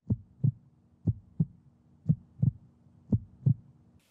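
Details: Transplanted donor heart heard through a stethoscope on the chest of a boy with myopathy who uses a wheelchair: steady paired heart sounds at about 60 beats per minute; heartbeat.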